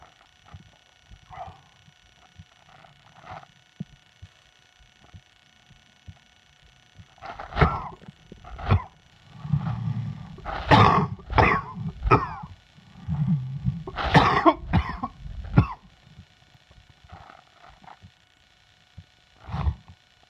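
An adult gives about nine harsh coughs in short clusters, typical of a chest cold.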